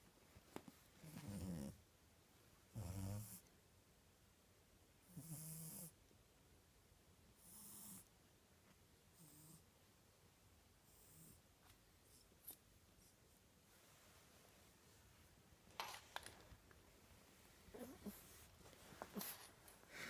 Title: Batman Snoring!